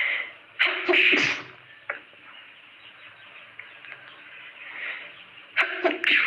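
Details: Deliberately induced sneezes by a person with a cold: two sharp, explosive sneezes, each preceded by a quick in-breath, separated by quiet sniffing.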